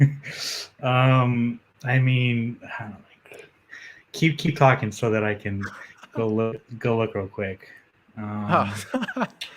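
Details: Adult man, a journalist, who says he has a stutter that comes out when he gets nervous, speaking in a podcast interview; stuttering.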